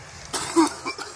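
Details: A short, harsh cough burst with weaker follow-up coughs from an adult after inhaling Spice smoke from a gas mask; cough after smoke inhalation.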